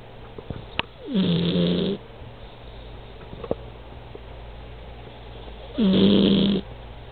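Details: Snoring: two drawn-out, buzzing snores about five seconds apart over a steady low room hum.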